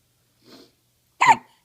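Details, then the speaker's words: One short, abrupt voiced hiccup from a cat after a faint soft sound; the owner says he has the hiccups. "who's got the hiccups yeah what you have the hiccups yeah your hicups"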